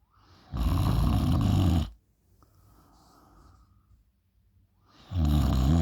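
Deep, loud, rattling snores on the in-breath, separated by a quiet exhale. Heavy snoring.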